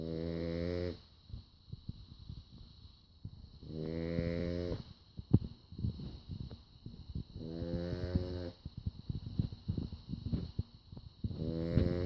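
Loud rattling snores about every 3.5 seconds, roughly 17 a minute, with soft clicks and rustling in between. Ordinary snoring.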